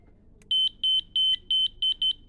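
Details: ZOLL M Series biphasic defibrillator being switched on into monitor mode during a demonstration: six short, high electronic beeps in quick succession; defibrillator power-on tone.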